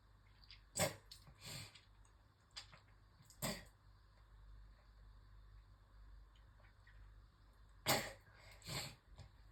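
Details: Several harsh coughs in clusters with pauses between, in a quiet room; a coughing fit while brushing teeth that left the person nauseous, leading to retching.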